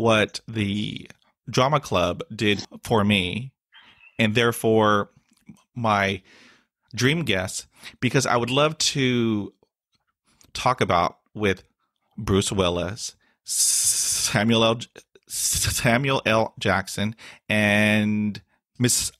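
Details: Adult man with stuttering he calls a daily struggle, with blocks and facial tics despite years of speech therapy; word repetitions and interjections heard; stuttering.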